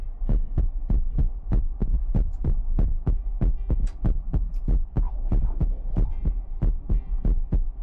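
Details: ASMR recording of a heartbeat sound: steady, deep paired thumps at about 95 per minute, with a low hum underneath; regular heartbeat.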